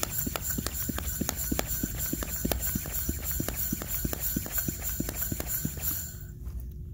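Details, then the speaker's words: Experiment with a compact bicycle pump on its low-pressure, high-volume setting driving a nebulizer: rapid short puffing strokes, about three per second, over hissing airflow that produces a fine mist; hand-pump-driven nebulizer. "it has a pretty short stroke on the pump so you really have to kind of get get it going but it does produce nice little mist if you look closely here"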